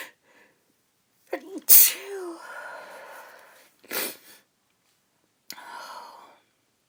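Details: Uncovered sneezes from an adult woman trying to hold them back: three partly stifled sharp sneezes, each with a brief voiced sound, in a quiet room.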